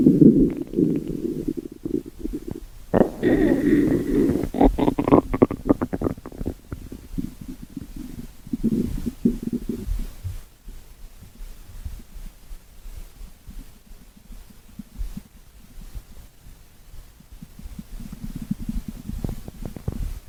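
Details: Stomach growling (borborygmi): low gurgling and rumbling from the belly in bursts, fading to quieter rumbles.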